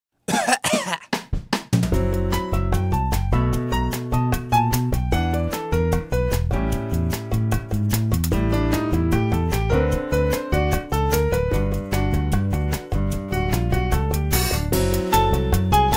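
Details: Brief run of about four harsh coughs, followed by steady music with a beat; cough.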